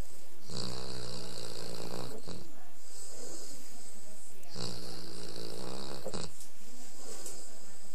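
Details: Loud, rattling snores on each in-breath with quieter out-breaths, two cycles in eight seconds, from a female St Bernard asleep after a tiring outing: snoring.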